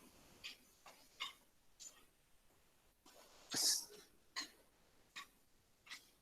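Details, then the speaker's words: Pigs in a classic case of swine influenza, lying still, some with watery, tearful eyes, give frequent short, dry coughs: dry cough of swine influenza. "vemos un caso clásico de la influenza porcina tos seca frecuente ahí vemos los animales en animales que no se mueven entonces es esa tos frecuente"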